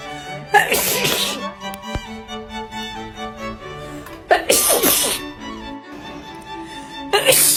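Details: Three sharp, explosive sneezes spaced a few seconds apart over background music; sneezing.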